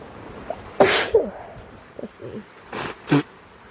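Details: Adult in a tent in the rain, Australia: three sudden explosive sneezes, the last two close together, soft voice sounds between, steady rain in the background; sneeze.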